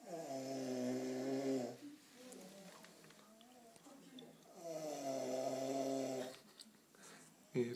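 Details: Two long, loud, rumbling inhaled snores about five seconds apart, with quiet breathing between them, during sleep; snoring.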